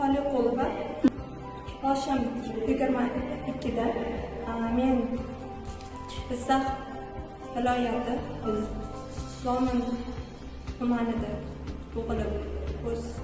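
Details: Stuttering in a 22-year-old man, present for years and persisting despite many medicines and treatments.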